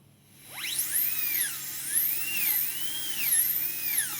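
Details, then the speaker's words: PFM crown preparation on the upper left canine: 170L bur reducing the incisal edge, high-pitched dental drill whine rising and falling in pitch as it cuts tooth. "Now I am going to take 170 L burr, and I am going to reduce the incisal part in this way."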